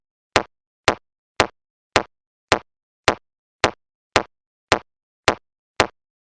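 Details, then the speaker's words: BeneHeart C2 AED in adult mode, after a delivered shock, running its metronome for hands-only CPR of 200 compressions: sharp, evenly spaced clicks at about 107 per minute. "start cpr immediately follow the metronome to give 200 compressions"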